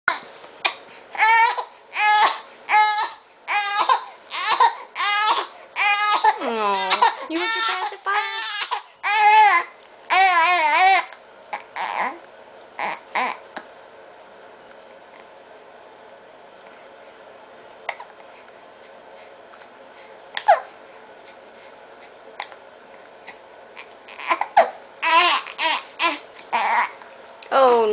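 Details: 6-week-old infant crying in short, rhythmic bursts with rising and falling wails, then quieting before crying again; also hiccups and a noise made when hungry.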